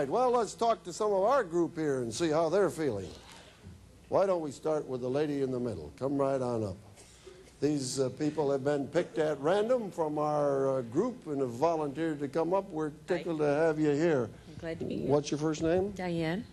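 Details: Adult male speaker addressing a group; normal speech.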